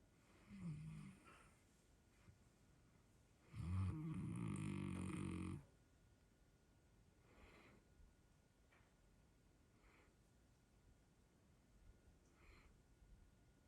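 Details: Snoring during a morning nap: a long, loud, rattling snore, with a shorter snort before it and quiet breathing after it, in a quiet room.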